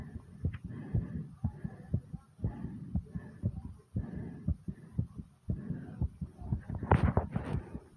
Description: In this video my heart is beating super fast and pounding hard after some squats i hope you guys like it.